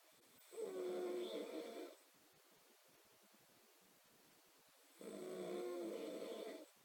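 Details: Snoring: two drawn-out, buzzing snores on breathing in, separated by quiet breathing out, in a quiet room.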